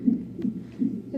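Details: Fetal heartbeat at 34 weeks of pregnancy, picked up by a fetal monitor; the baby girl has hiccups.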